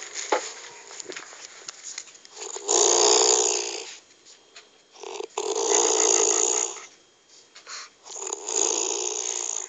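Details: A mother snoring, with a tractor also heard.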